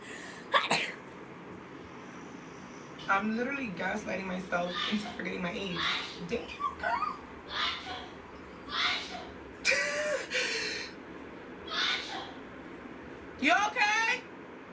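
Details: Girl sneezing while cleaning dust: several quick sneezes, some in rapid doubles, separated by short talk and laughter in a small room.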